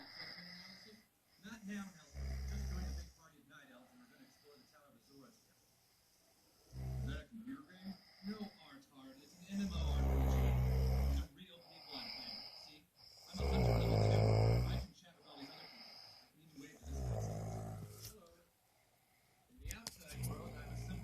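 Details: Snoring: irregular deep, rumbling breaths with low snorts, some louder and longer than others, over faint room noise.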